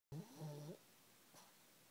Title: Ridley the pug snores in his sleep.